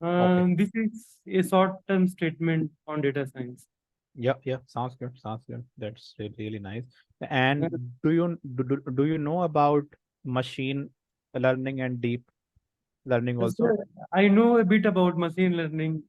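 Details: Real stammering in an adult man, a senior volunteer of an Indian self-help association of people who stammer, with audible word repetitions during an online talk; stammering.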